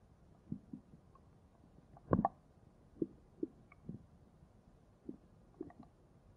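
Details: Soft scattered gurgles and brief squishy pops over a quiet hiss: ordinary stomach growling, a normal bowel sound (borborygmi).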